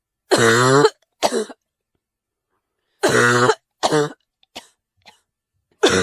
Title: Cough Sound